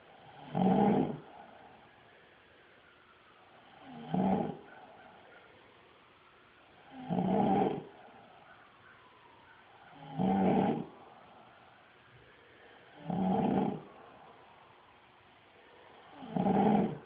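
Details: Adult male deeply asleep, not stirring despite camera flash, birds, sirens and barking dogs: six loud, rough snores at regular intervals, about 19 breaths a minute; heavy snoring.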